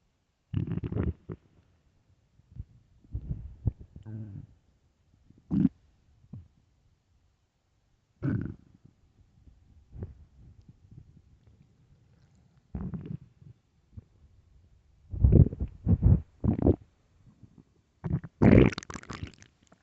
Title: am I hungry? (stomach growls)